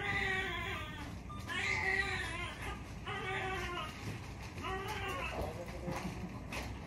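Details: Repeated high, wavering cries from a newborn boy just after birth, delivered in two pushes; about four cries with background room noise, a typical newborn cry.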